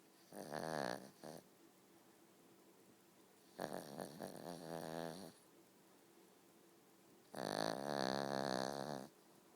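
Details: Snoring while sleeping with eyes open: long, vibrating snores on each breath with quiet pauses, three in about 10 seconds.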